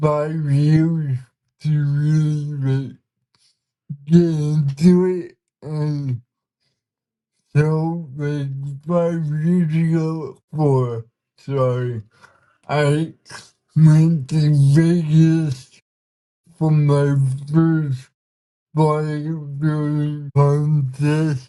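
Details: 32-year-old man with cerebral palsy whose body resists him, making communication hard at times; listeners found him hard to understand at first; dysarthria (cerebral palsy).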